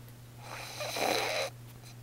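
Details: Sister snoring: a single rattling, hissing snore breath about half a second long over a steady low room hum.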